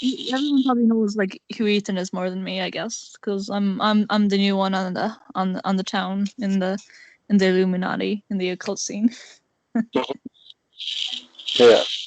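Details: Male speaker with a self-described awful stutter, repeating words; stuttering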